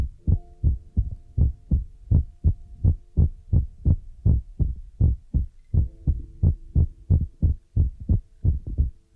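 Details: Heartbeat sound used as an ASMR relaxation trigger: steady low thumps at about 150 a minute, a fast heartbeat, over a faint steady hum.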